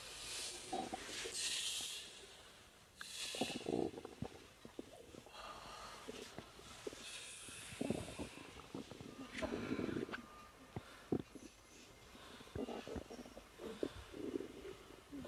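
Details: Woman about 3 months pregnant (early pregnancy), relaxing, with natural stomach growling: irregular gurgles, squeaks and soft rumbles from the belly with some rustling; normal bowel sounds (borborygmi).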